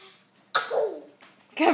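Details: Boy fake sneezing: a short, forced, sneeze-like burst with a breathy onset, followed by a second burst; imitated, not genuine.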